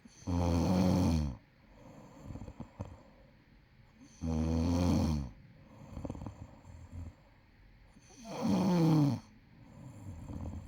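Three loud, rattling snores on the in-breath with quiet breaths out between, about 15 breaths a minute. Snoring.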